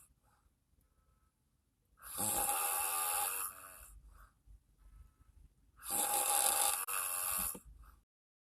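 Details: Person snoring while asleep in a car: two long, rattling inhaled snores several seconds apart, with quiet breathing between them; ordinary snoring.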